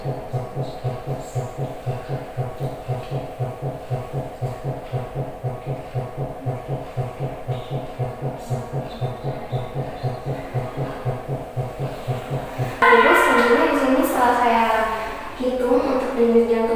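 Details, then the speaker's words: Normal fetal heart sounds heard through a stethoscope during an obstetric physical-examination skills exam, counted in 5-second readings, three times: rapid, regular, soft thumping, much faster than an adult heartbeat. "Eh, baik, Ibu, selanjutnya di sini saya akan, eh, mendengarkan dan menghitung untuk bunyi jantung bayinya setiap setiap 5 detik sebanyak 3 kali pembacaan dengan interval 5 detik di antara setiap pembacaan."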